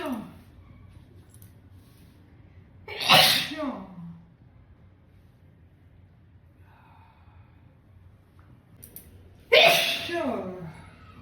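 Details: Sneezing and nose-blowing challenge: two loud, forceful sneezes several seconds apart, each a sharp burst trailing into a voiced tail.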